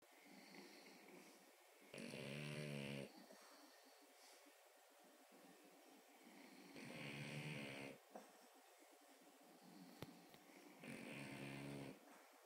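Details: Three loud rattling snores from a sleeping French Bulldog, about five seconds apart (roughly 12 a minute), with quieter breathing between them: dog snoring.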